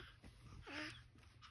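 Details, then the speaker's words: Infant girl breathing hard with a high-pitched wheeze. A brief high whistling squeak is heard on one breath. She is taken to hospital by ambulance, where staff note she is working hard but her vitals are good. "you hear how high she breathing it's like a little wheeze in there every time I feed her she started acting all crazy"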